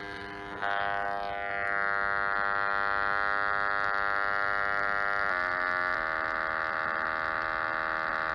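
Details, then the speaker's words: Electrolarynx prototype running on a breadboard: the improved ROMET electronic larynx with Bluetooth smartphone pitch and volume control and a rechargeable battery. It gives a steady mechanical buzz that holds a pitch, then steps down twice. "so here's a video showing the prototype in action using our breadboard"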